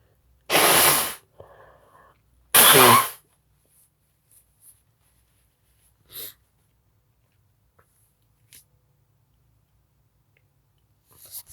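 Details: Two loud, explosive sneezes about two seconds apart, followed by quiet sniffing and breathing in a still room; person sneezing.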